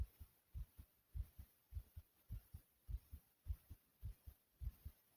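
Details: Tachycardia after 40 jumping jacks followed by sudden choking, person reports being okay: fast, regular paired heart thumps at about 105 beats a minute, with heavy breathing.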